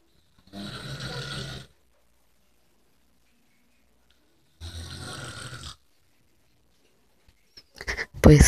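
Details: Plain snoring, apparently a man's: two loud, rattling snores about four seconds apart with silent pauses, then brief noise at the end.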